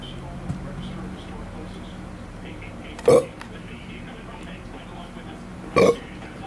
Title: burping myself to death